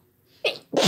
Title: Some talking then lots of Sneezing (F+M)